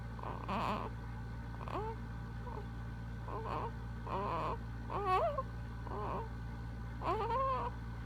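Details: Seven-week-old baby boy making short grunts, squeaks and soft whimpers while sleeping over a low hum; pediatrician said these sleep noises are normal.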